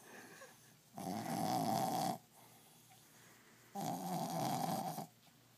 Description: Zola- our 2 year old brussels griffon snoring like a hog.